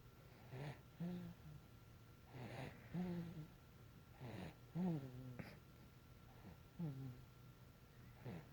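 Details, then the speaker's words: A sleeping dog snores in a steady rhythm, with a rough snort followed by a short whistling groan. "so much for a nap for mommy my little baby bear keeps snoring and Putin they great no just kidding"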